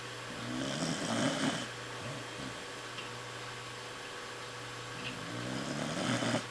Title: Corgi sleeps and snores..